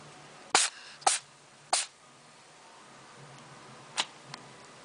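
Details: Cat sneezing: three sharp, hissy bursts in quick succession, then two softer ones, in a quiet room; sneezes.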